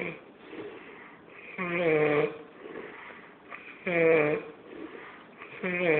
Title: Loud Ass Snoring